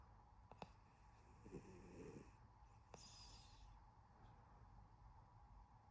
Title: my cat snoring for 10 WHOLE minutes 💤